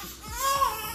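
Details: Newborn baby boy just woken up, giving a brief, rising fussy cry; an ordinary newborn cry.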